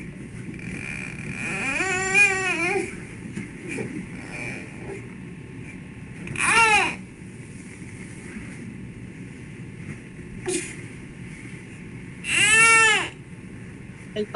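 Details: Sleep terror (night terror) in a child, presented as a pediatric sleep disorder.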